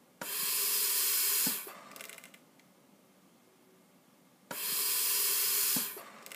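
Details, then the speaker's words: Long hissing gas flows from a Bird Mark 8 IPPB unit used as a ventilator on a test lung, cycling automatically at about 16 breaths a minute. "that means there is no apnea time basically this will not breathe so if you decrease the apnea time what you want to do is decrease the time between breaths so basically you're shortening your expert ory time your te C that just gave me a breath now what you need to do is to count the breaths that are being delivered"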